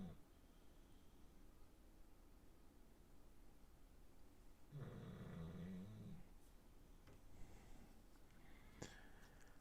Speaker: especially if you've got your buds or if you've got like really good noise cancelling headphones on you can hear me and then every time I'm quiet you should be able to hear the dog back there snoring